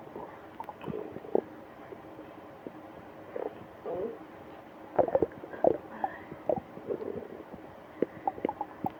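Busy gurgling, squelching and bubbling bowel sounds, coming in frequent bursts. Active stomach growling heard during a stomach ache.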